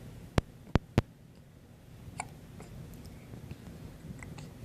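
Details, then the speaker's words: Infant hiccups: three sharp, abrupt hiccups in quick succession, then quiet room sounds with soft baby noises. "Do you have hiccups from laughing?"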